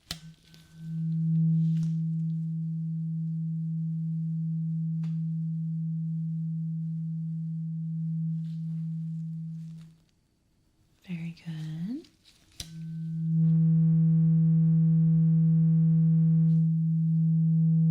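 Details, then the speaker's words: A steady, low humming tuning fork tone fades and is struck again in a role-played ASMR ear exam, used for a repeat hearing test. "I need you to close your eyes because we're going to bring out the tuning fork again. And I want you to tell me when the tuning fork sound stops."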